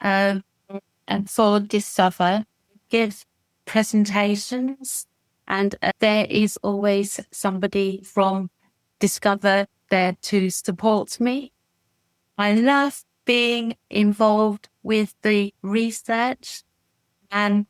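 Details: Adult woman with expressive aphasia after a stroke in December 2018, with four months of rehabilitation relearning speech; manages simple sentences but struggles with ideas and complex sentences, with comprehension less affected: expressive aphasia.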